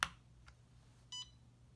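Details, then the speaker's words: CADD Prizm PCA infusion pump, home-infusion demonstration by a nurse: a click, then a faint chirp and a short clear electronic beep as the pump confirms its cassette is locked. "the left that locks it and it tells me on my pump that my cassette is locked now it says press next to continue"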